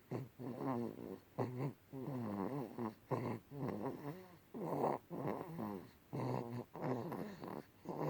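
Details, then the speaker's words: Baby boy fast asleep after nursing and a warm bath: soft, rhythmic, slightly buzzy snoring with quick, steady breaths; light infant snoring. "He snores a little."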